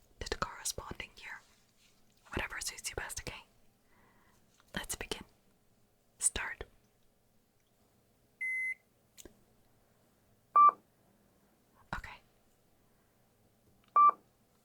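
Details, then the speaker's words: Simulated (ASMR role-play) hearing test: short pure-tone beeps, sometimes in both ears and sometimes one ear, between whispered instructions to report when and on which side beeps are heard, in a quiet room; hearing test beeps. "You're going to be hearing some beeps, sometimes in both ears at the same time and sometimes one at a time. What I want you to do is let me know when you hear those beeps come true and the side you hear it on."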